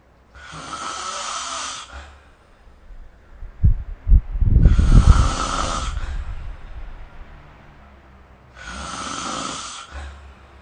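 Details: Rough, rattling snores on slow breaths during sleep, about three breaths in ten seconds, one louder and fluttering, recorded with the SnoreLab phone app. Snoring.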